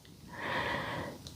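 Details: A man (husband) snoring: a single rough, snorting breath sound swells and fades over about a second.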